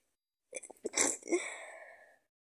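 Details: Person with a cold sneezing: a single sneeze with short catching in-breaths, then a sharp explosive burst trailing off in a hiss.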